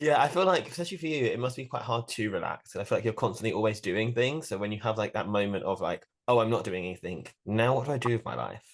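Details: Adult male speaker; Normal conversational speech.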